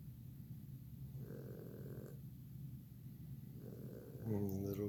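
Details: Popeye snoring in the background while a kitten plays with a toy: two low, rattling snoring breaths, then louder room noise and voices at the end.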